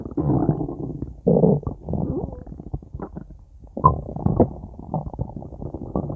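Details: Low rumbling, gurgling bursts of stomach growling in a quiet room; ordinary bowel sounds (borborygmi).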